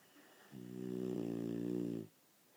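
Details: Honey Ham napping: one drawn-out, low buzzing snore on an in-breath, lasting about a second and a half, in a quiet room; snoring.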